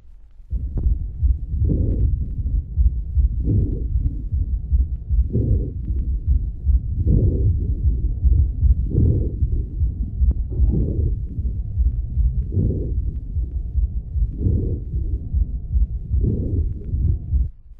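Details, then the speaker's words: 4½-year-old child immediately after an asthma attack: rapid, harsh breathing with faint musical wheezes. "escuchará en una sola grabación ruidos separados de un niño de 4 años y medio. Primero, inmediatamente después de un ataque de asma."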